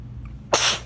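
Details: One sudden, forceful, hissing sneeze out of quiet, part of an intense fall sneezing fit; the person suspects being allergic to something.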